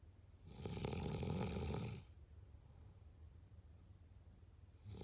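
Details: Snoring: one loud, rattling inspiratory snore, followed by a quiet pause before the next breath begins.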